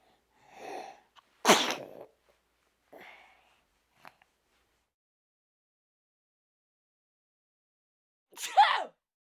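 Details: Sound-effect recording: a sharp inward breath, then an explosive burst of air, and after a pause a shorter vocal burst; sneeze.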